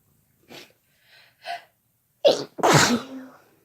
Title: Sneezing together (M+F)